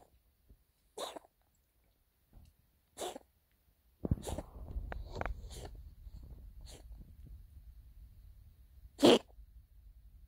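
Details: Short, sharp cough bursts from an animal, probably a dog, repeated about six times over ten seconds.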